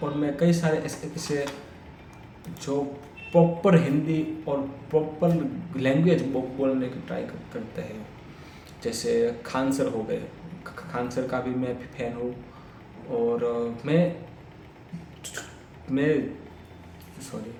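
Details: Adult man's own speech in Hindi, self-reported stammering, filmed on day 1 of a daily speech practice routine (tongue, lip and breathing exercises); stuttering.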